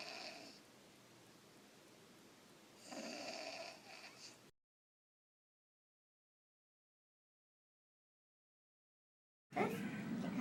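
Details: Child with recurrent sinus, ear and throat infections and enlarged tonsils touching the uvula, snoring and trouble breathing asleep; rough, rattling sleep breathing, silence, then a brief louder burst.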